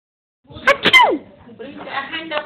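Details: A quick sharp sneeze with a short falling squeak, followed by soft voiced sounds; sneeze.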